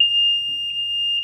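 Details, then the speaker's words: Respironics Smart Monitor 2 apnea (heart) monitor powering on: a continuous, steady high-pitched alarm tone with brief pulses during the start-up self-test, showing the self-test passed. "okay? A continuous sounding alarm. So it seems to me that the self-test is good."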